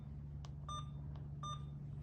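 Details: Two short electronic beeps over a low room hum: an infusion pump's confirmation tones while programming a secondary IV piggyback of cefazolin 2000 mg in 100 mL at 100 mL per hour.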